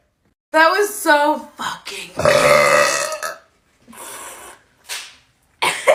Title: Girl Releasing Seductive Deep Burps (Compilation)